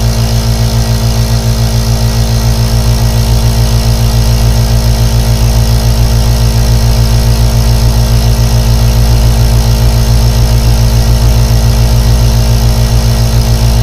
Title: 💦 3D ASMR AEROSOL NEBULIZER for Deep Sleep| Insomnia| Colic | Meditation